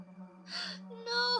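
A quick, breathy intake of air followed by a brief voiced catch: a gasp.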